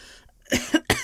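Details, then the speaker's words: Simulated cough in an acted roleplay: a woman playing a sick girlfriend who insists it is allergies and mentions a dull headache gives three quick, breathy coughs in a quiet room. "I'm not sick it's allergies yeah allergies can be this bad I've taken some Med it's fine"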